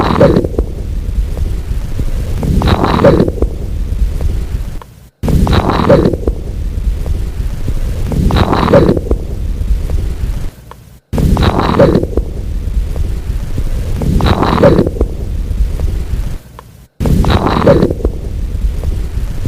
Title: LATE-INSPIRATORY SQUEAK| BREATH SOUNDS | AUSCULTATION